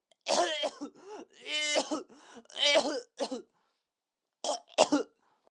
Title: coughing